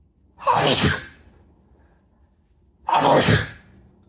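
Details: Two forceful sneezes from an adult man, induced after showering, each a sharp explosive burst of air, in a quiet room.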